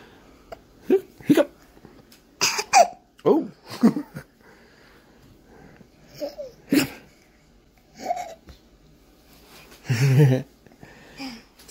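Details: Person about to nap has hiccups: a series of short, abrupt voiced bursts at irregular intervals, about eight or nine in twelve seconds; hiccups.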